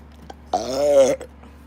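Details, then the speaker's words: Person who says they have hiccups and burps: one short voiced belch lasting about half a second, with a steady low hum in the background. "Oh my god, I got the hiccups and burps."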